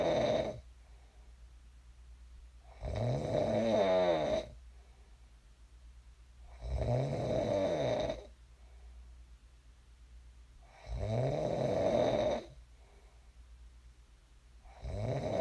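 Loud rattling snores on each in-breath, about 15 a minute, with quiet gaps between; ordinary snoring.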